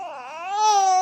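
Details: Baby boy crying from hunger while his mother bathes and father has no milk, having briefly choked; a single rising, sustained wail, an ordinary infant hunger cry.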